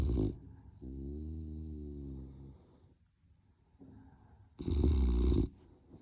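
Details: Low, rumbling snores from a puppy sleeping in a crib in the morning, with a couple of louder snorting breaths between quieter stretches; ordinary sleep snoring.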